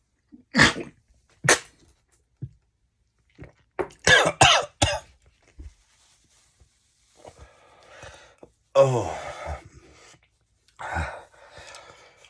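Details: Cough from an adult with chills and worsening symptoms, possible COVID (took a test that morning and was not positive) after cayenne pepper vodka went up the nose: sharp, irregular coughs with throat clearing and gasping, spluttering breath.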